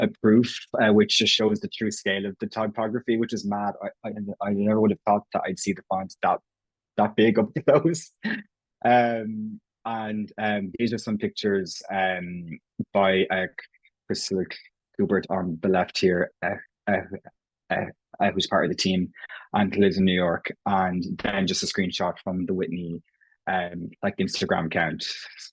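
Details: Irish adult man who has stammered since he can remember, self-identifying prolongations, repetitions and blocks; real, not acted: stammering (stuttering).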